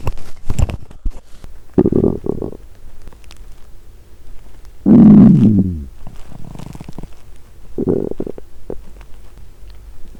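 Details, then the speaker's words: Woman the day after a 7-day fast, mic on her stomach while listening to mukbang ASMR: several low gurgling rumbles with one longer rising growl, normal hunger bowel sounds (borborygmi). ""Now, I'm going to listen to Mukbang ASMR and record the sound of my stomach." "Maybe you can hear the sound of hunger.""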